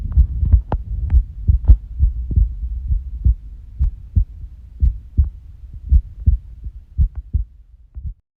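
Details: Unusual heart sounds: low, muffled heart thumps with uneven spacing between beats, an irregular heartbeat (arrhythmia).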